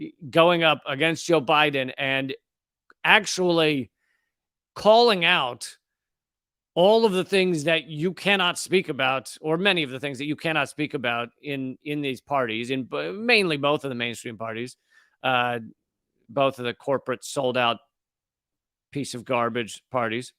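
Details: Adult male speaker; normal adult male speech.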